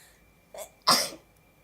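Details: A short in-breath followed by one sharp, explosive sneeze from a young Japanese woman; an ordinary single sneeze.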